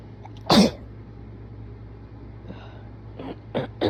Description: I got sick :-(( and I noticed my sneezes sound different (at least I think they do-) when I’m sick, sooo here you go :-))